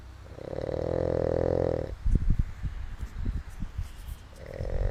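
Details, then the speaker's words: Long, loud, rattling snore on the in-breath, a pause with soft noises, then the next snore starting; a man snoring while asleep. "Somebody is fucking snoring. Wow. That would be. you snoring crazy."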